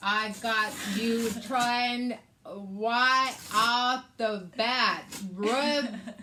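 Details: Adult woman with aphasia after a hemorrhagic stroke on May 19th 2020, with right-sided hemiparesis, brain surgery and an ICU stay; her aphasia also affects reading and writing.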